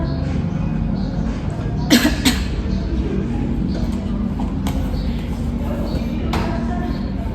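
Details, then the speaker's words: Simulated nursing exercise: after deep breathing (4-second inhale, 2-second hold, pursed-lip exhale), an adult female patient takes two breaths and gives two short, forceful voluntary effective coughs over low room hum. "Kemudian saya akan menyuruh ibu untuk ee tarik napas satu kali dan tarik napas lagi dan ibu bisa batuk."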